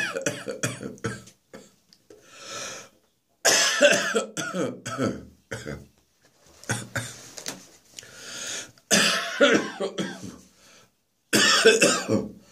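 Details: Adult with a throat infection coughing in repeated harsh bursts, some grouped in short runs, with throat clearing between.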